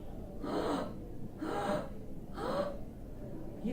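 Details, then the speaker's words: Stridor in a child: harsh, noisy breaths about once a second with a rough, high-pitched edge, described as commonly arising with viral croup. "तो जैसे हमने अपने पिछले वीडियोस में डिस्कस किया, हमारे जो बच्चे हैं उनके सांस के रास्तों से अलग अलग तरह के नॉइजेस कई बार सुनाई देते हैं और उसमें से एक तीखा तरह का नॉइज होता है, उसे हम स्ट्राइडर कहते हैं।"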